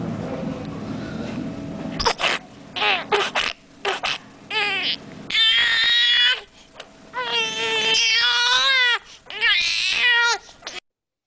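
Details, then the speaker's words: Infant with rare congenital mid-nasal stenosis: rough, snuffly noisy nasal breathing, then bouts of crying; nasal stertor. "allá de la primera porción de la fosa nasal existe esta patología que es muy poco frecuente que se llama estenosis media nasal es congénita y le causa y causa la misma sintomatología como si tuviera la la obstrucción en la primera porción o en la parte más delantera anterior de la fosa nasal"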